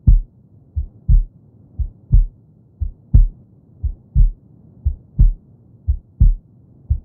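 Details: Steady, soft, low lub-dub beats at about 60 a minute, evenly spaced; a calm regular heartbeat recording played as a sleep sound for babies.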